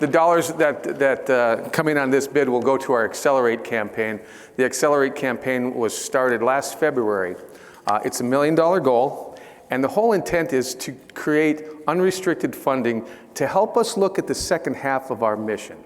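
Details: Adult man speaking; normal speech.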